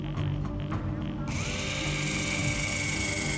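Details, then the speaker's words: Air rescue of a 19-year-old motorbike rider in critical condition after a head-on collision with a truck, with low blood pressure and failed cannulation of damaged limbs. A powered intraosseous drill whirs steadily over music while placing a needle into the leg for emergency drug and fluid access. "To get emergency drugs and fluids into him, he has to drill into his leg. This is a potentially life-saving intervention."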